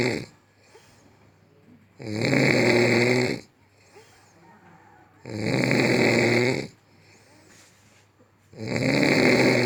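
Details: Very loud, rough, rattling snores on each in-breath, about 19 a minute, with quiet pauses between; described as the world's loudest snoring.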